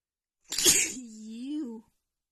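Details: Female's itchy sneeze attack: one explosive sneeze burst followed by a short voiced trailing sound.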